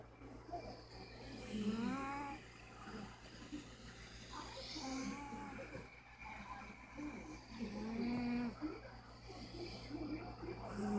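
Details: Older cat asleep: soft, rhythmic snoring at about 20 breaths a minute with a low steady hum in the background; snoring.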